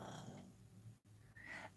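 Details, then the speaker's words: Sleeping dog (Teddy) snoring audibly during a live stream: low rumbling, fluttering breath noise. "Yes, you can hear Teddy. He's snoring. He wants to say hello to you."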